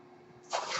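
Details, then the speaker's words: Speaker's own ventilator heard while the user talks during a podcast recording: faint steady hum, then a sudden rush of hissing air as the ventilator pushes a breath; mechanical ventilator airflow. "noise you're hearing is my ventilator"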